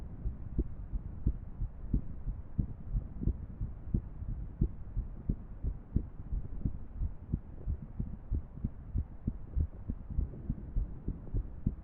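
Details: Irregular heartbeat, muffled, at roughly 90 beats per minute with uneven spacing between beats; female heart sounds paired with a 3D heart model animation.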